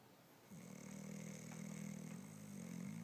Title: Snoring dog haha